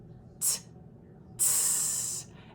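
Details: Speech therapy demonstration for lateral lisp: held-out /t/ producing a non-lateralized /s/ with tongue sides anchored on molars, the "flat tire sound" target; non-lateralized /s/ (flat tire sound).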